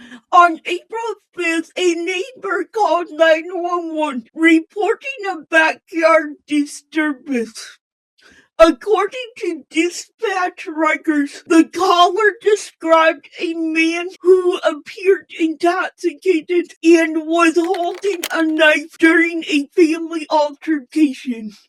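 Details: Speech impairment in an adult female channel host narrating, described as possibly hard to understand at first.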